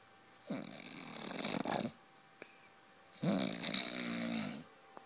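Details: Adult man (husband) snoring during sleep: two loud, rattling snores on breathing in, separated by quiet breathing out; heavy snoring.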